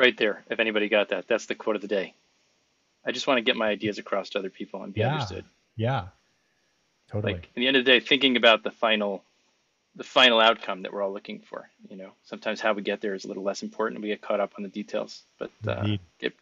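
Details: Adult man speaking; normal adult speech.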